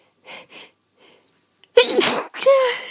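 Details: Adult feeling run down and unwell, with some coughing and a hoarse voice: two soft quick in-breaths, then a sharp high-pitched sneeze with a voiced squeak and trailing vocal tail.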